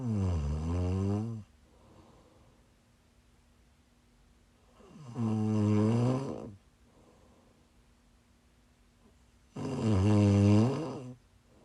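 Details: Live-streamed sleep recording of a sick, congested sleeper: three loud, drawn-out snores with quiet breathing between, about 13 a minute; snoring.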